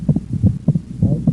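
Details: Heart sounds with normal physiological splitting of S2: single S1–S2 on breathing out, S1–A2–P2 split on breathing in, as inspiration delays pulmonic valve closure; steady low heart thumps.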